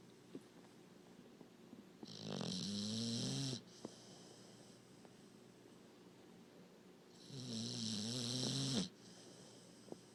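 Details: Two long, rattling, low snores about five seconds apart with quiet pauses, from a sleeping puppy; snoring.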